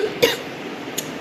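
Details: An adult woman with a hoarse voice and a cold with cough, which she blames on heat and sun exposure, gives a single short, sharp cough followed by a fainter brief burst in a quiet room.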